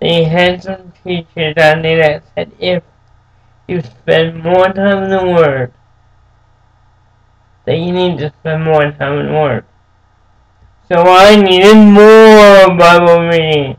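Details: Adult man born with cerebral palsy, who says it makes him move and speak differently; dysarthria from cerebral palsy.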